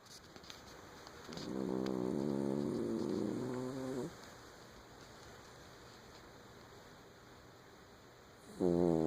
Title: Bugsy snoring